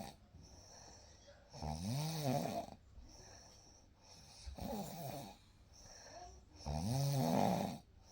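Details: Real night recording of snoring: soft, rhythmic rumbling snores on each in-breath, about three breaths over eight seconds, with quiet room sound; snoring.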